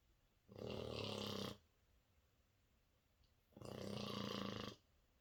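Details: Four-month-old French Bulldog puppy snoring: two loud, rattling snorts about three seconds apart in a quiet room.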